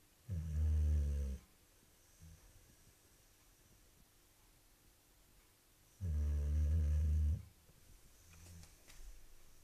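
Two long, loud, rumbling snores about five seconds apart, with quiet breathing between them. Snoring in a sleeping dog.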